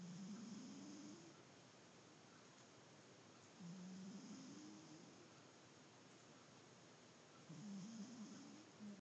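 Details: Cat snoring: soft, rising, tonal snores with each breath, about 20 breaths a minute, over steady room hiss; gentle snoring.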